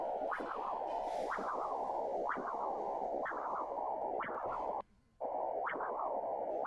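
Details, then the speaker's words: Spectral Doppler ultrasound of the internal carotid artery: rhythmic whooshing pulses about one a second with steady flow between beats, forward flow through systole and diastole; normal low-resistance internal carotid flow. "este registro va siempre para adelante sístole diástole fue el que vimos al principio sístole diástole Por qué Porque el cerebro como Es lógico necesita estar irrigado durante todas las fases del ciclo cardíaco"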